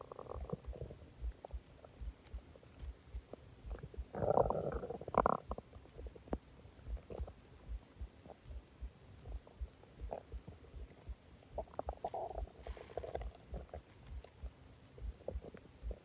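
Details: Stomach growling after eating a lot and drinking a soda: low gurgling and groaning rumbles with two louder bursts amid ongoing bubbling; ordinary borborygmi.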